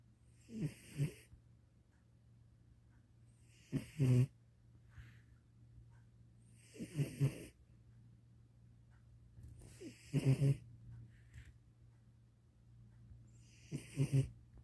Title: It's so nice to watch your pet sleeping peacefully, with little snores.🤣🐶💤 #sleepypaws #sleepydog